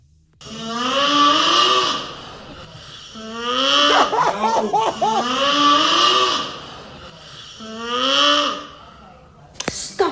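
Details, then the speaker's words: Loud, high-pitched snoring from a man passed out on a couch, echoing through the house. "how he gets that pitch I don't know and that sound travels you can hear it echoing through the house that's actually very scary"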